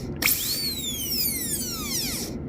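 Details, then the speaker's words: High-pitched drill whine spinning up then slowly winding down as a high-speed handpiece rounds off corners of a class II DO amalgam preparation on a maxillary first premolar, a bench exercise, occlusal surface first. "I'm round rounding off the [Music] corner so I hit the cover surface first and then go lower"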